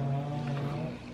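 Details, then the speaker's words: A steady, low droning rumble from a pet dog asleep under the table, holding about a second then fading; dog snoring. "noise you hear is our dog Guido snoring. So I ain't heard. How do you know? I know Guido's sound."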